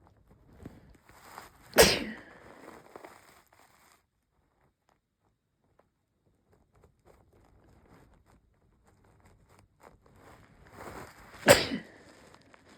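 Two sharp sneezes about ten seconds apart, each led in by a short breath, quiet in between; sneezing with a cold.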